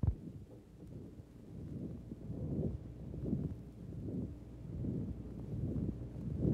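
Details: Woman with heart valve disease before surgery: muffled low heart sounds about 80/min with a rushing murmur heard from another chest area, from deformity of a second valve to be corrected in the same operation; historical 1955 recording.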